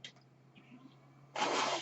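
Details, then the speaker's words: The speaker's own mechanical ventilator running while he records: a low steady hum, then a loud rushing hiss of air as it delivers a breath. "That noise you hear is my ventilator."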